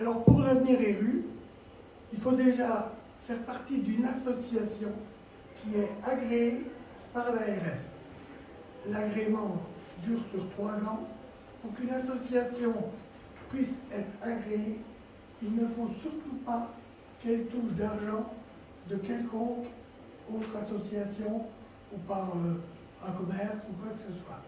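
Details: Dysphonia in a male former nurse with respiratory problems and vocal cord lesions since complications after coronary bypass surgery that required 4 months in intensive care.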